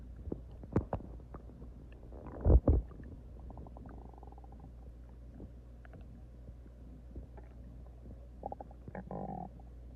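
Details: Stomach growling (borborygmi) from a female: low, soft gurgles and a short louder rumble over quiet room noise, from gas and fluid moving through the gut.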